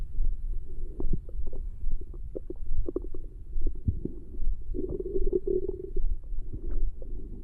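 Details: Stomach growling in a girl after 1 day: low, irregular gurgles and rumbling bursts with a longer bubbling growl in the middle; ordinary borborygmi.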